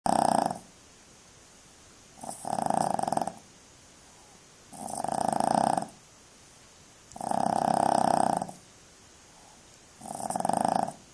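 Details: Puppy snoring while asleep: loud, regular buzzing snores, one with each breath, about 25 a minute, with quiet gaps between them.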